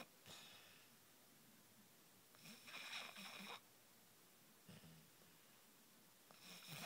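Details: Soft, irregular snorting breaths with hissy, nasal in-breaths in a quiet room; light snoring during sleep.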